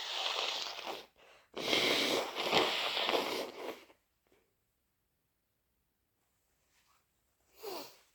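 Two long, harsh, wet, hissing sneeze bursts, then quiet and a shorter final burst; forceful wet sneezing.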